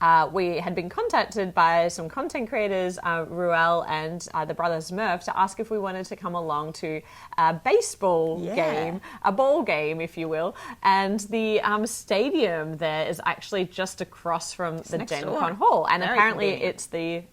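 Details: Adult woman speaking; normal speech.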